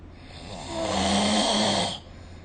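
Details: One breathy, hissing snore lasting about a second and a half over a steady background hum; adult snoring recorded with the SnoreLab phone app.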